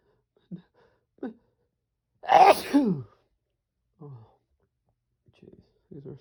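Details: Male sneezer, desperate strong sneezes with a few stifles: one loud, forceful sneeze with sharp intake and voiced burst, surrounded by small breaths and sighs.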